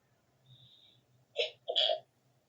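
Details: Stifled and loud sneezes on waking with a tickly nose after the window was left open at night: a faint stifled sneeze, then two short explosive bursts, the second louder and longer, over low room hum.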